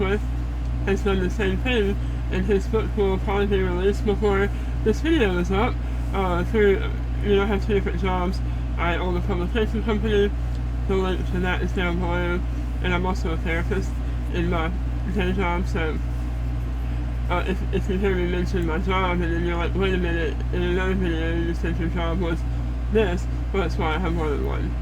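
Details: Adult woman after stage 4 head and neck cancer, disfigured and scarred, on a feeding tube, reporting about four strokes; altered speech.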